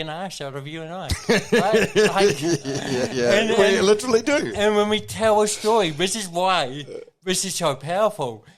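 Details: Adult man with cerebral palsy present from birth, a brain injury from oxygen loss to the brain during birth; he reports his thinking is intact; dysarthria (cerebral palsy).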